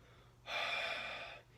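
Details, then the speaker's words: Demonstrated huff cough airway-clearance technique, like fogging glasses; a long huff clears the distal, lower airways: one long, open-mouthed breathy exhalation. "So something that you can teach is like a huff cough. And the way to describe that, it would be like fogging up a window with your breath or fogging up glasses."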